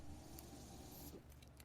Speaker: that noise you're hearing is my ventilator